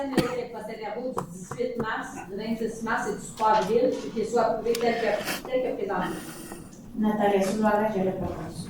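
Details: Adult woman reading aloud; Normal voice.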